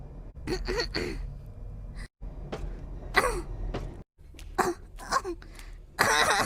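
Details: Compilation of short, voiced coughs and throat-clearing bursts from an adult, in cut-together segments with quiet room noise between them.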